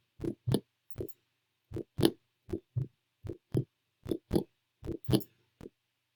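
Simulated heart at the aortic area: crisp, regular lub-dub pairs at about 80 beats a minute, with no extra sounds between beats. Normal heart sounds.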